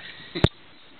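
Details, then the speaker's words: Infant hiccups just after finishing a feed, in a baby who has been spitting up a bit: a single short, abrupt catch of breath with a soft click. "has just finished eating and he's got the hiccups."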